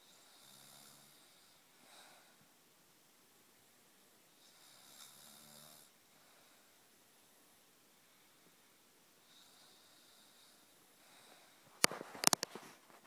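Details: Person asleep and snoring: soft hissing snores with brief low tones about every four seconds, then a sudden clatter of handling noise near the end.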